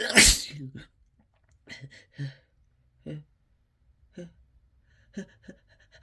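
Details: Uncontrollable, harsh sneezing triggered by chhinkni: one loud, explosive sneeze, followed by a few short sniffs and breathy sounds.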